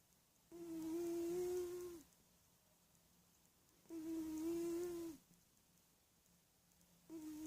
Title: Sleepy kitty snores